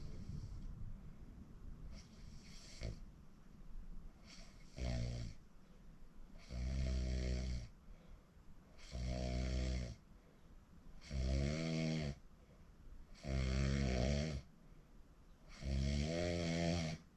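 Loud, rattling snores with each breath in, about six in seventeen seconds, separated by quiet breathing out; habitual snoring.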